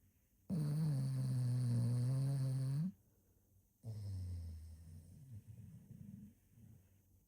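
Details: A male bulldog snoring while napping: a long, low, steady droning snore on the in-breath, then a rougher, fluttering breath.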